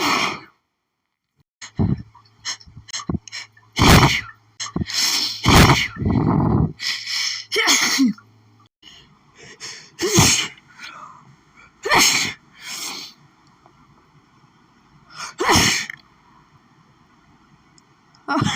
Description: It may have been a mistake to plant that flower garden. My nose is so sore from all the sneezing 😩